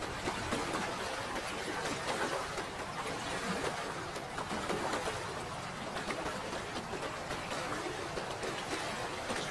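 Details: Ultrasonic dental scaler at a dental clinic during teeth scaling: continuous hissing, spraying and gurgling of the water spray with suction.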